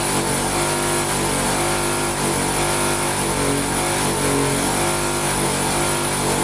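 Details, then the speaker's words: Suction machine running during a demonstration of nasal and oral infant suctioning to remove secretions: steady motor drone with a low hum throughout. "I'm gonna put my suction machine on and we want to make sure that our motion is working"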